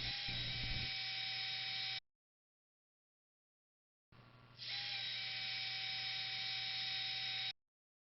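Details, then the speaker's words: Surgical wire drilling on a sawbone model of distal radius malunion osteotomy: high steady whine in two bursts as adjacent radial pin plate pinholes are drilled with a spare zebra wire to seat the pin hook. "Adjacent pinholes in the plate are drilled with a spare zebra wire to allow seating of the hook."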